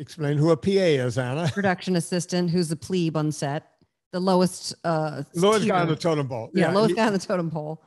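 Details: Adult speaker; ordinary speech.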